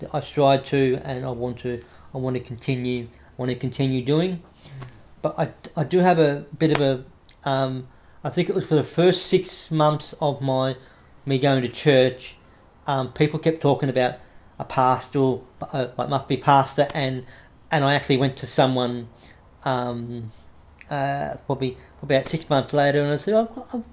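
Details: Adult man with cerebral palsy after severe meningitis in infancy, right arm and leg affected, says he has a bit of a stutter he controls by calming down; repetitions of words and phrases audible; stuttering.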